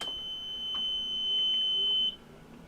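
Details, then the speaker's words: Home oxygen concentrator with humidifier bottle fitted to the outlet port, switched on: single sustained high-pitched beep about two seconds, then quiet; normal start-up beep. "this time I'm going to go ahead and start the Machine"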